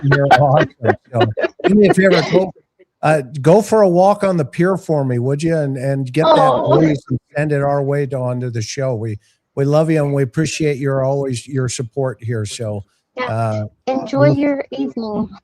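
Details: Adult male speaker; typical speech.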